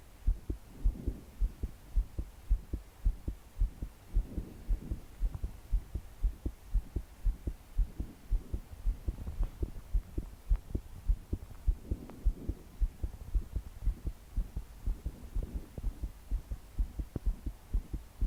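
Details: Pounding heartbeat in a 22-year-old woman trying to sleep, body shaking with each beat: fast, forceful beats near 109 a minute with slow breathing, over rain.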